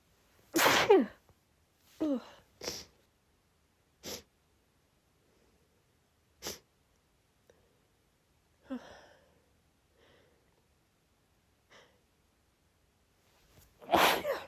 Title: sneezing fit from cold air + sniffles 🌼 (F)